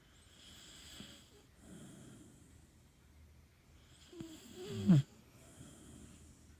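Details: Beagle asleep: quiet breathing with a few soft snorting breaths and one louder snort near the end; ordinary dog snoring.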